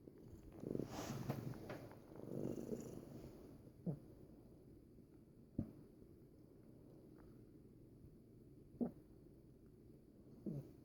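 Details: Second clip of a pet with hiccups: soft rumbling at first, then four short, sharp, jerky hiccup sounds about every two to three seconds.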